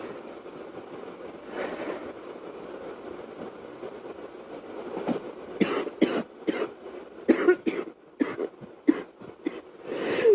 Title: Girl coughing 185